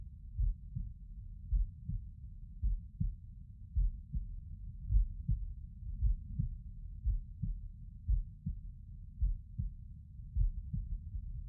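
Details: Heart sounds over the mitral area by stethoscope, subject lying on right side: regular low paired thumps at about 54 beats a minute.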